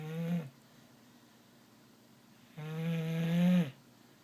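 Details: Two drawn-out, buzzing, tonal snores a couple of seconds apart in a quiet room; snoring during sleep.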